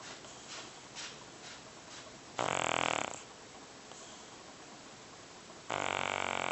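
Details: Soft breathing, then two loud, harsh snores on inhalation from a sleeping cat weighing at least about 30 lbs; very loud snoring.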